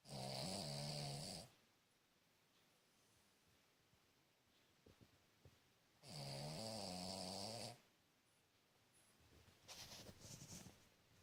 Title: Cavalier King Charles Spaniel Snoring Very Loud